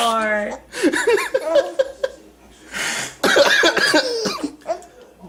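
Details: A few short, harsh coughs from a mother getting ready to feed her infant daughter, mixed with the baby's cooing and giggling at the coughing in a small room.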